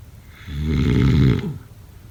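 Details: Snoring: one loud, rattling snore lasting about a second on an in-breath.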